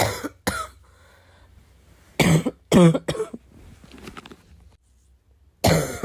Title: coughing because I’m really sick